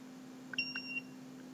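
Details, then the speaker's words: CureFX cordless pen-style LED dental curing light in 10-second ramp mode, ramping to maximum power: two or three short high electronic beeps at five seconds over a faint steady hum, the timer signal. "see it ramping up all the way to maximum power it just beeped at five seconds and now it's done and it's off"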